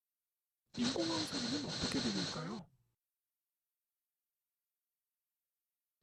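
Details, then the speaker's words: Simulation of speech heard through a newly fitted cochlear implant at first use: garbled, robotic, machine-like sound that is actually human speech; it becomes more natural with about six months of mapping and rehabilitation. "하지만 처음 착용했을 때 들리는 소리는 이렇습니다 기계음 처럼 들리지만 알고 보면 사람의 말소리 인데요"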